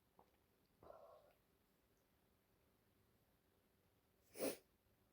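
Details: A few faint sniffs and rustles, then one loud sharp sneeze from a female lying in bed feeling unwell, possibly getting a cold; sneezing.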